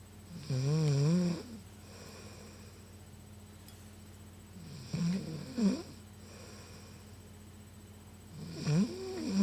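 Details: A woman sleeping, with loud, low rattling snores on each breath in, three snores over about nine seconds against a steady room hum; ordinary heavy snoring.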